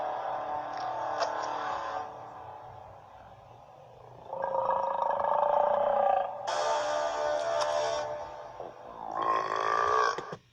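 Several long, drawn-out voiced belches, some rising and falling in pitch, with a faint musical background; loud burping.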